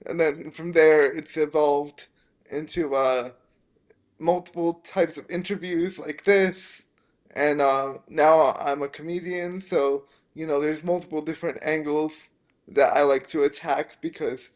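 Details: Dysarthria in a 27-year-old man with spastic quadriplegic cerebral palsy from a brain injury at premature birth (born three months early as a triplet), affecting his motor function, balance and speech.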